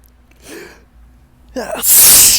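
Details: Adult with ragweed pollen allergy on a windy morning, nose tickling: hitching, gasping in-breaths build up, then a loud, wet, explosive sneeze, one of a run of sneezes.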